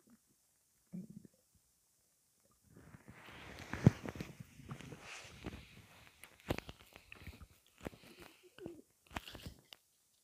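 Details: Gassy belly: low gurgling and bubbling rumbles with scattered clicks as gas moves through the gut; audible bowel sounds (borborygmi).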